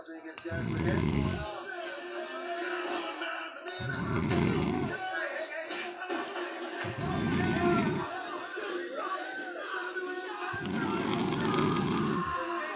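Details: Four loud, rough, low snores about one every three seconds over background music; very loud snoring.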